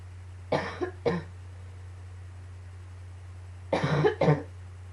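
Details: Two pairs of short harsh coughs separated by a pause, with a steady low hum behind, during a coughing fit combined with allergies; cough.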